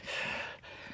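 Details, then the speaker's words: A single harsh, noisy snorting breath with a brief dip partway through, from a woman after a tonic-clonic seizure in which she may have bitten her tongue; snorting respiration that follows each of her seizures, likely postictal phase. "okay the snorting okay she's got this yeah she bit her tongue bad I think man that's going to suck ass okay well we might have to then you can hear me snoring again this seems to be the thing that happens after every seizure I'm assuming that this is the postictal phase"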